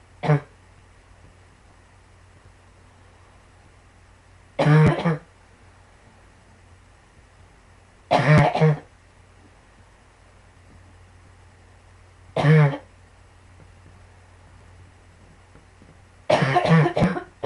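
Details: Five harsh short coughing bursts about every four seconds; frequent repeated cough in a person with pulmonary sarcoidosis.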